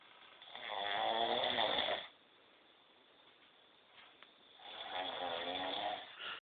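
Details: Sleep snoring: two long, rough, vibrating breath sounds separated by a quiet pause, a regular snoring pattern.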